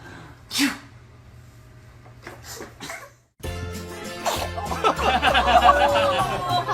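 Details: One small sneeze from a baby, followed by adult voices and music; sneeze.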